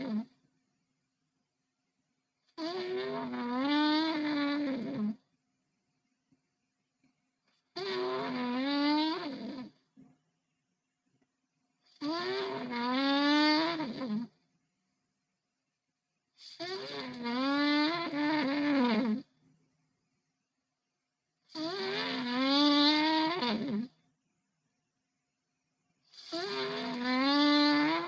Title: Ronquidos de elefante | Tapir13.